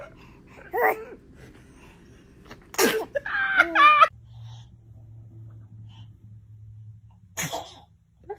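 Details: Baby sneezing, from a compilation of sneezing babies: short, sharp sneeze followed by brief adult voices and soft baby sounds; infant sneeze.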